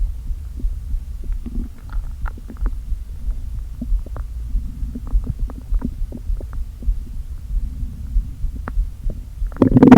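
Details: Low rumbling and gurgling with scattered clicks and hollow groans as air shifts back and forth, from an empty stomach after a full day without eating, deliberately inflated with air: active bowel sounds (borborygmi).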